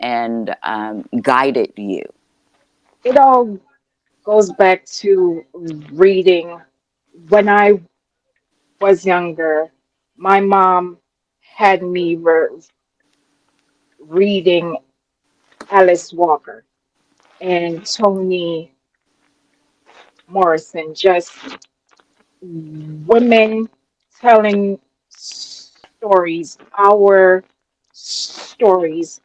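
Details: Adult woman with a self-described speech impediment, which she calls her disability; real; disfluent speech with sound prolongations: speech impediment.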